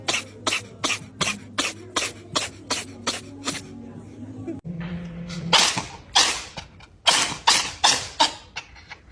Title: Sneezing cats compilation repost